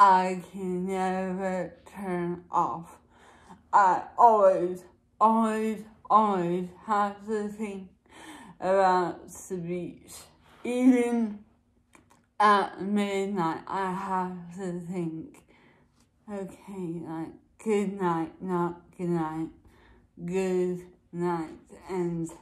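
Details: Woman with dysarthria, possibly seizure-related per tags, recorded in the morning around 9:00 before any speech practice; speech varies with practice, energy level and mood. Finding: dysarthria.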